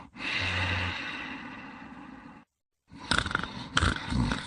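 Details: Two sleepers snoring: a long, rough, rumbling breath noise, a brief pause, then louder choppy low snorts.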